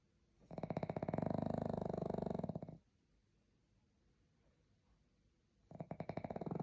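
Buzzing, fluttering snores on each breath in, with quiet pauses between them. Snoring from a sleeping small flat-faced dog.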